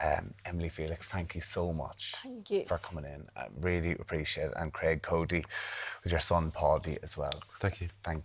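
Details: Adult male presenter; Normal speech.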